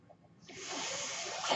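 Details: The speaker's own mechanical ventilator heard during speech, cycling through a delivered breath.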